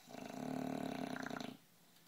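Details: 11-month-old, 60-pound bulldog in deep sleep, snoring: one rattling, fluttering snore lasting about a second and a half, then quiet.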